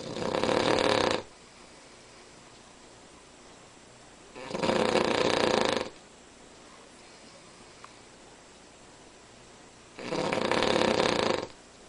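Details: Sleeping Cavalier King Charles Spaniel snoring unusually loudly: three long, harsh snores over a second each, about five seconds apart, with quiet pauses between.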